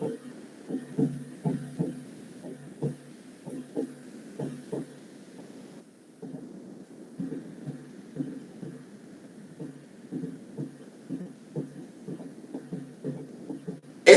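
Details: Quadruple rhythm (S3 and S4 gallop) at a slow heart rate, where S3 and S4 are heard separately: slow heartbeat with clusters of four low thuds per beat.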